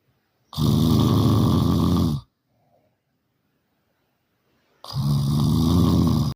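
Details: Loudest snoring: two long, very loud, rough rattling snores separated by a quiet gap of about two and a half seconds; heavy snoring during sleep.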